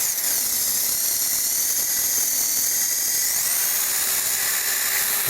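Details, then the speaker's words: Surgical reamer drill: steady high-pitched whine with a brief pitch shift as a safe-side reamer with stop widens the final 3.6 mm osteotomy in a plastic teaching model, hammerless crestal sinus lift technique, before bone grafting. "place the stock on the safe side reamer and go forward where their next osteotomy"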